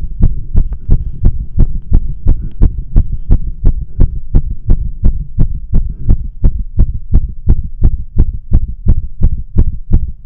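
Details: Fast, regular, pounding heartbeat at about 170 beats a minute at rest, with no prior exercise, caffeine or nicotine, during an intense tachycardia attack with dizziness, shaking and breathlessness; tachycardia.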